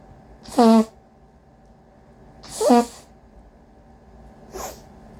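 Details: Two loud voiced induced sneezes a couple of seconds apart, then a softer third, over a steady background hum, from a person with a cold and a congested nose; repeated sneezing.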